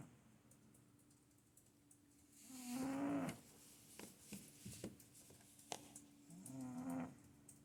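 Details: Sleeping cat snoring: quiet room with two soft, drawn-out, slightly tonal breathing sounds several seconds apart.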